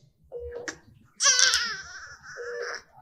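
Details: A newborn cries in strong, pitched bursts between brief quiet pauses during a neonatal neurological exam testing consolability; the baby was later consoled by being brought close to the examiner.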